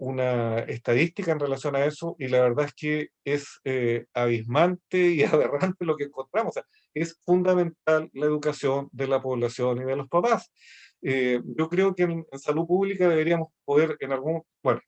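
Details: Adult male speaker; normal speech.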